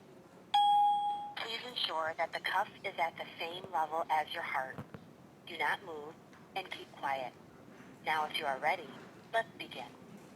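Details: SmartHeart Premium talking wrist blood pressure monitor, designed for users with vision impairment: a tone, then a recorded electronic voice giving step-by-step instructions for placing and positioning the wrist cuff.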